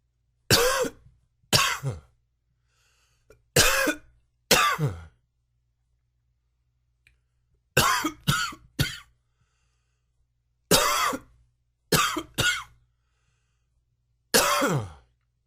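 About eleven harsh, explosive coughs come singly and in quick pairs or triplets over fifteen seconds, a coughing fit.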